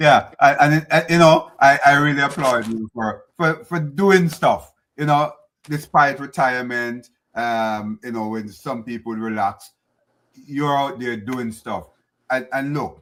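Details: Adult man speaking; Normal speech.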